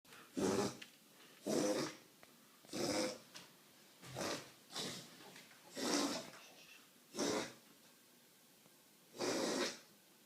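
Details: A dog gives eight harsh, breathy coughs at uneven intervals with quiet pauses between them; dog cough.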